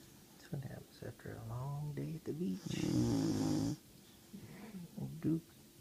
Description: Duke our 16 week old German Shorthair Pointer snoring after a long day at the beach!